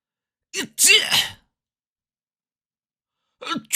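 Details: Sneeze sound-effect recording of a person: a quick breath in, then one sharp, hissy sneeze, with another sneeze starting at the end.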